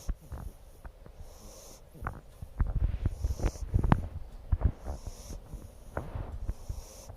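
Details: Irregular low snorting and rattling breath noises during sleep; snoring.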